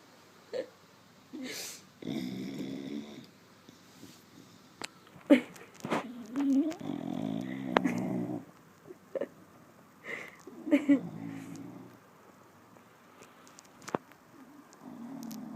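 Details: Sleeping, worn-out bulldog snoring loudly like a trucker: rattling, irregular snorting breaths with a woman's voice talking over them.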